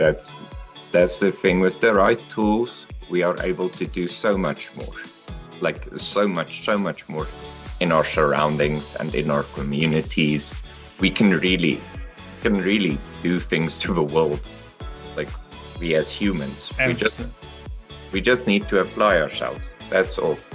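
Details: Adult male speaker; conversational speech.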